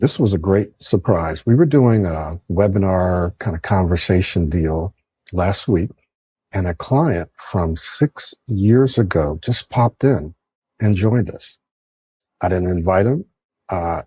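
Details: Adult male speaker; typical speech.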